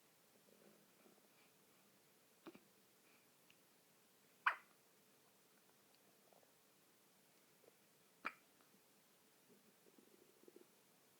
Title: Hiccups and Smiles!